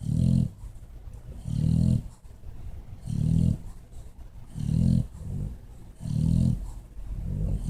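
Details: Loud, low, rattling snores from bulldog Mr. Beefy sleeping behind a chair, about six snores at roughly 40 a minute with quieter breathing between: snoring.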